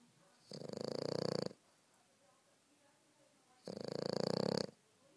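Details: French Bulldog snoring while asleep: two loud, rattling snores about three seconds apart, each lasting about a second, with quiet between them.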